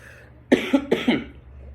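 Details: Coughing during a speech to a small audience: a short run of about four harsh coughs in quick succession in a room.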